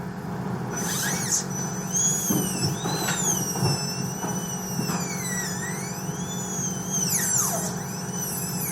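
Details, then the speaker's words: High-speed dental drill with 856.016 burr, leaned facially and axially, cutting an all-ceramic MOD onlay preparation on tooth #14: high whine rising and falling in pitch over a low room hum. "Lean the burr facially and axially. And when we get to a point where we think we'll have enough clearance, I'll start getting closer to the adjacent tooth."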